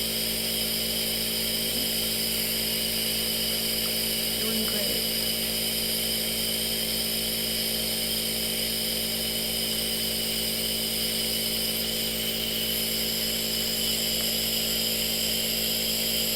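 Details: Simulated nurse roleplay breathing treatment: nebulizer compressor runs with a steady loud mechanical hum and hiss for a patient who feels unable to breathe.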